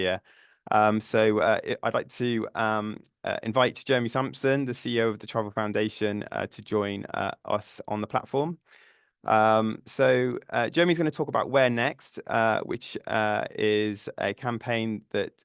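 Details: Adult male speaker; normal voice.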